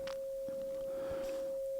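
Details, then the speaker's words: A steady, unchanging 540 Hz pure tone from a phone frequency generator, matched to the tone an adult hears in his left ear; simulated tinnitus over faint room noise. "I found the frequency of the tone in my left ear, and it happens to be 540 kilohertz or whatever those are, hertz."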